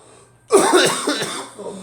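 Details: Cough: a burst of harsh, wet-sounding coughs run together, from someone who describes being ill with the flu, coughing from the chest, and possibly a sinus infection.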